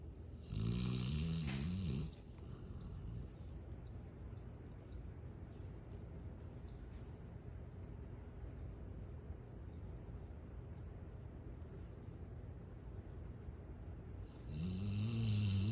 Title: Rottweiler Snoring Like She Paid the Bills 😂